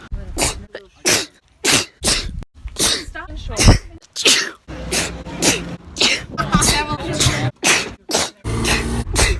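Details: 16-year-old girl's own sneezes, recorded over about a year and compiled: a rapid run of about fifteen sharp bursts with quick breaths between; repeated sneezing.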